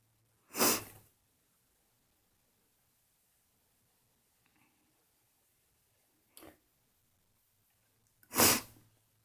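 Two loud, sharp sneezes about eight seconds apart, with a smaller sneeze-like burst between them, in a quiet room.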